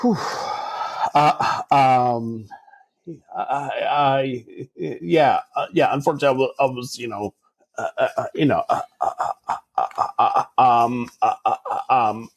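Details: Adult man who stutters, speaking in a real podcast interview, with filled pauses and repetitions heard; stuttering.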